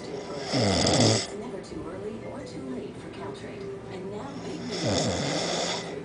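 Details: Two loud, rasping, rattling snores separated by a quieter pause, from a broadcast comedy sketch of a sleeper denying snoring; exaggerated snoring.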